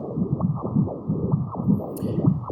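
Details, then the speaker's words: Pulsed-wave Doppler from a portable ultrasound probe, sampling the left ventricular outflow tract: rhythmic low whooshing pulses that sound like auscultated heart sounds. "I don't know if you can hear this, but actually it does sound like you are auscultating the heart sound. So you get a very clear sound signal coming through from the pulse wave Doppl"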